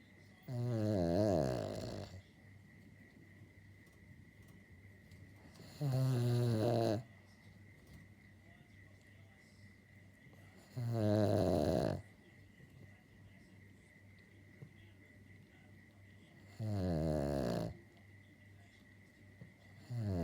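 Slow rumbling breaths with a rattling buzz, about 12 a minute, over a steady background hum: a dog snoring.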